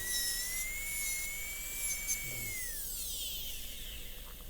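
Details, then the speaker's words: A high-speed dental drill whines, dropping in pitch as it cuts. The bevel joins the top of the flare in an MOD gold onlay preparation on a soft Kilgore preprepared typodont tooth with large boxes, in a class demonstration. "And then we're going to make sure that bevel joins the top of the flare by putting the bur parallel to the flare and bringing the bevel around that corner."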